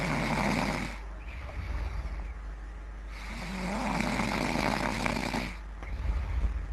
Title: Rage Snoring